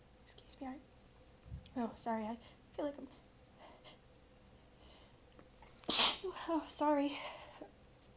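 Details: Person sneezing amid murmured apologies: a sharp, explosive single sneeze after quiet breaths, followed by brief speech, in a quiet room.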